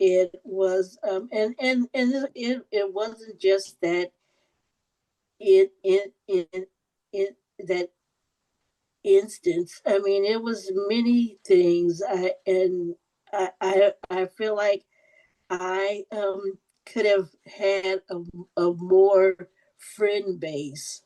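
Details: Adult woman who stutters, with audible repetitions; stuttering.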